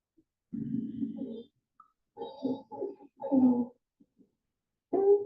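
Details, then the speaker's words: Young girl in the emergency room with croup (parainfluenza), retracting and using accessory muscles to breathe: harsh, seal-like barking coughs with drawn-out noisy inspiratory stridor. "So she had both that barky cough and then also had inspiratory stridor present."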